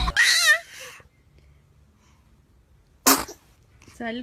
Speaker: Ay, ay, ay, esos estornudos.